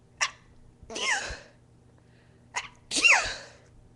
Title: Cute, Girly, Induced Sneezes (FIT!)